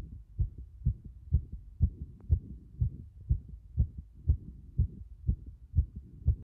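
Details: Tachycardia recorded at the cardiac apex: fast, regular heart sounds at about 120 beats a minute.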